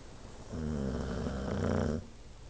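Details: Sleeping dog snoring: a single low, rumbling snore, steady through the breath, with faint room hiss around it.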